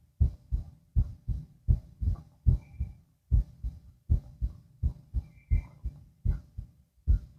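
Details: Normal heart sounds heard through a stethoscope while lying down: steady, clear, regular lub-dub at about 77 beats a minute with faint background noise.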